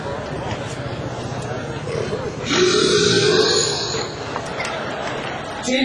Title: GARA DI RUTTI - BURPS CONTEST